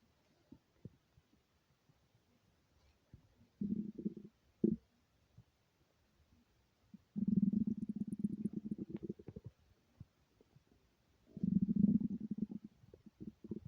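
Low gurgling, rumbling bursts from the belly, ordinary stomach growling of hunger.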